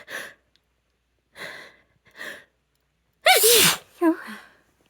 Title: Induced sneezes